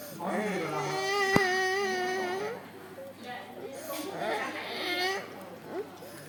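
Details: Child's breathing with a harsh, high-pitched, musical noise on long breaths; stridor in a child.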